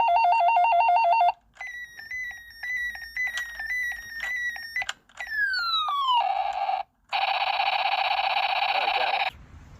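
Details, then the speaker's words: MRI scanner noise from a patient's scan, one of four MRIs in six weeks after injuries including a crash: a run of loud electronic beeping, chirping and buzzing tones changing pattern every few seconds. "it's a weird machine it sounds like one of them guns that shoots the foam discs"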